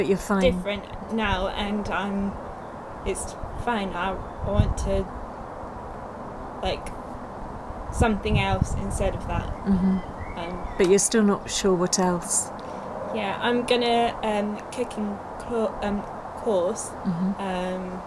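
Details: Young woman, two years after a stroke at age 18, with Broca's aphasia affecting speech, reading and writing; Broca's aphasia.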